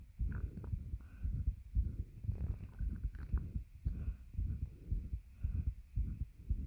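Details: Self-recorded heartbeat with a bed pressing on the chest, causing heavy breathing and attempted breath holds: low muffled thumps near 57 a minute under heavy rustling breath noise; a regular heartbeat with breathing.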